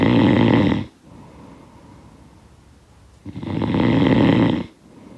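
Two loud, rough snores on breathing in, with quiet breathing out between them. A sound-effect recording of snoring.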